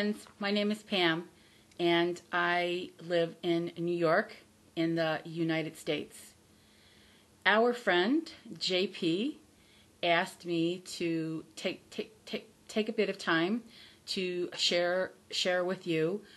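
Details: Adult woman with stuttering, real, speaking about recovering from the fear of stuttering; stuttering.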